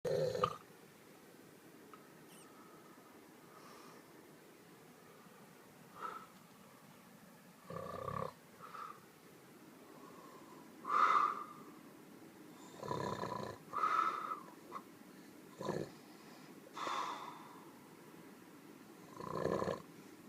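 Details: A sleeping donkey snoring, with irregular rasping breath noises at about 20 a minute.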